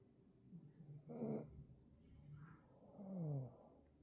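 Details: Pug snoring: two loud low rattling snores, each followed by a quieter breath; ordinary snoring.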